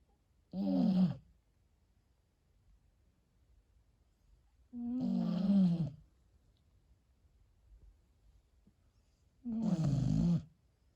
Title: Husky Smokes: Snoring beast